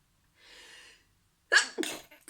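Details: Person repeatedly sneezing and being interrupted: a soft breathy in-breath, then a sharp explosive sneeze with a quick second burst after it.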